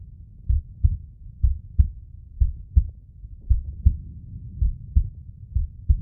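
Deep, muffled paired thumps repeating steadily at roughly 85 beats a minute: a heartbeat.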